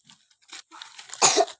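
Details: A single short, harsh cough from a child who is coughing but still playing with a younger sibling, amid faint play sounds.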